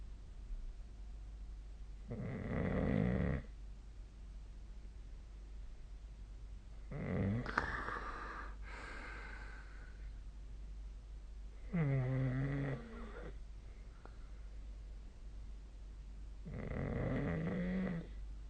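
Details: Sleep snoring recorded 2025/02/20: rhythmic snoring, about four breaths in eighteen seconds, some fluttering and snorting, over steady background hum.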